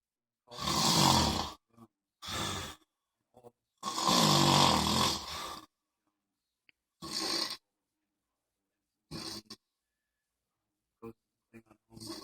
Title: Far drunk Guy snoring